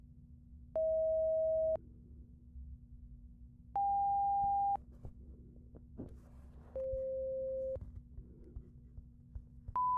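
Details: Simulated hearing-test roleplay: pure tone audiometry "beep" tests from 174 Hz to 1000 Hz played through headphones, first in both ears, then the right side.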